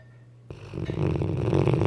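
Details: Weimaraner dog snoring: low rumbling, rattling breath noise building over under two seconds.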